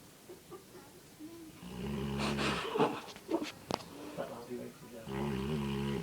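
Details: Sleeping Labrador after a long day, snoring: low rumbling snores with nasal snuffles, uneven between breaths, against quiet room noise.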